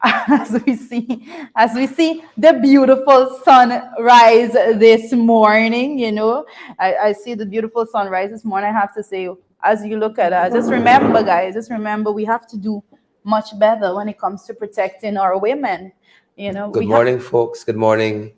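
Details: Adult female speaker, with a brief second lower voice at the end; normal speech.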